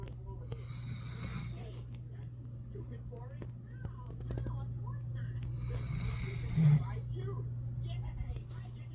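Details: Female Doberman in deep sleep after medicine for earaches and ear mites: two slow, rough, low breathing noises over about nine seconds, over a steady low room hum; snoring.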